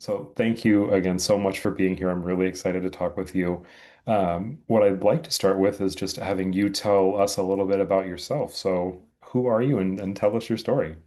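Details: Adult male speaker; normal speech.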